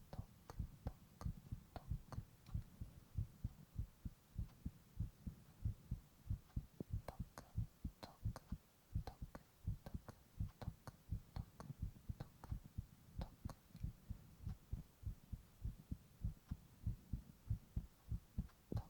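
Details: Adult male's heartbeat recorded close to the chest in a whispered ASMR recording, steady regular low thumps with faint room hum.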